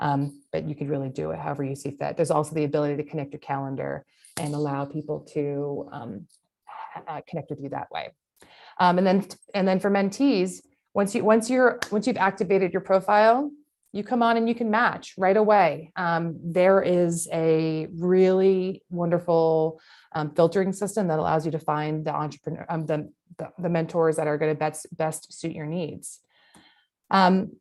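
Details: Adult woman; normal speech.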